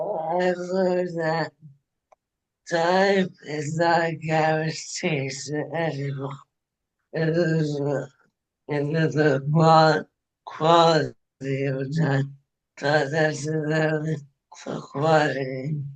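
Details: Dysarthria in an adult woman, former anesthesiologist, with ALS diagnosed 2021, onset with hand weakness and swallowing trouble; now ventilator-dependent, which she says makes speaking difficult; hands no longer work.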